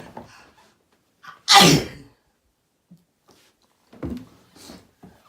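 A single loud, explosive sneeze with sharp hissing air, followed by quieter breathing and small sounds; a sneeze during a cold.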